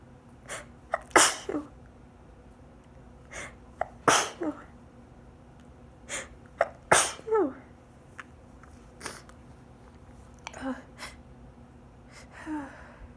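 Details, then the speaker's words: Sneezing fit late at night, muffled into a hankie held tight over the face, person sitting up, pollen high: about four sharp, partly muffled sneezes with sniffs and breaths between in under fifteen seconds; audio may skip. "Oh they're ruffled into the hankie that's why they sound quiet cuz it's late much don't sleep"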